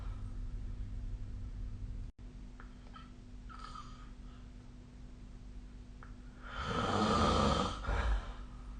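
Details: Low, steady room hum with faint breaths, then one loud, rough, rattling inhalation near the end: a single snore during sleep.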